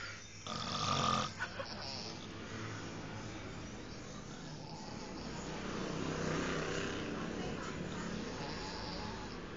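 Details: Loud, rough, drawn-out snore likened to a lion's roar, over steady room noise; snoring.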